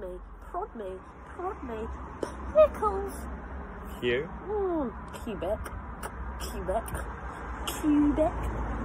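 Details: Vocal tics of Tourette syndrome in a 22-year-old woman doing the alphabet challenge; tics are involuntary and triggered by hearing her partner say letters; filmed October 2020, before her formal Tourette's diagnosis.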